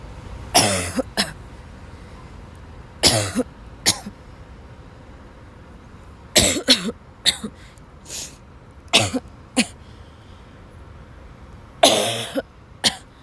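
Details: Sick girl, ill since waking, has a violent coughing fit in class that forces her to leave. About a dozen harsh coughs in clusters of one to three over 13 seconds, with brief pauses. Gasping; tagged dry, barking cough and wheezing.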